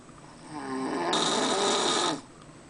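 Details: Adult man (father) snoring on a cruise to Alaska: a single loud, harsh, rattling snore on an in-breath lasting about two seconds.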